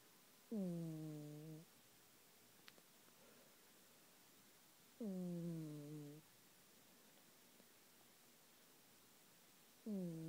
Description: My cat snores.